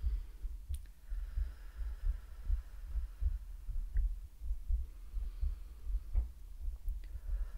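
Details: Woman's heartbeat in a simulated ASMR doctor roleplay: soft, regular low thumps at roughly 80 a minute under a steady room hum; a normal heartbeat.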